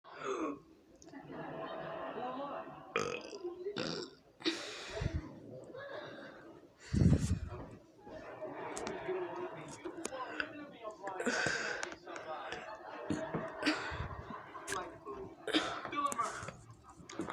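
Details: Several deep, rumbling burps with talk in between, in the dark; ordinary belching.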